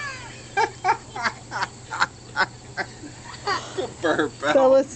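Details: Burping contest between a father and his children: a quick run of short, croaking burps, then a few longer, gurgly ones; ordinary belching (eructation).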